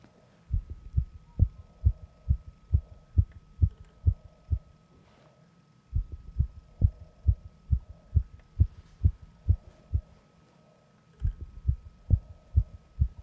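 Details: Simulated sepsis ABCDE assessment of a confused man admitted after a fall, BP 89/63: rapid, regular heart sounds at about 140 beats a minute with brief gaps; sinus tachycardia on auscultation.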